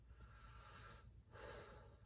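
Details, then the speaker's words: Patient asked to take a deep breath during palpation for symmetric chest expansion, examiner's thumbs at about T9–T10 on the back: one slow, airy, unforced deep breath in and out; normal deep breath. "And then I'm going to have you take a deep breath for me."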